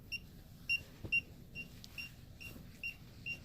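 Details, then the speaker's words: Boston Scientific spinal cord stimulator charger on a Velcro belt: short high-pitched beeps at about 140 a minute over low room noise, stopping once aligned over the implanted battery, which then charges. "See how it quit beeping? That means that if it quits beeping, that means it's in alignment with my battery. Okay? That means it's sitting on my battery."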